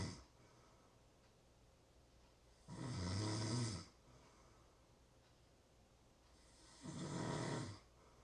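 Two loud, low rattling snores about four seconds apart, with quiet breathing between; ordinary snoring at roughly 15 breaths a minute.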